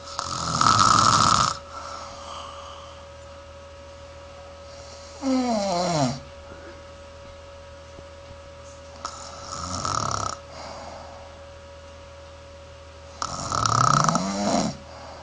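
Loud rattling snores on breathing in, four in about fifteen seconds with quiet gaps between, over a steady background hum: snoring.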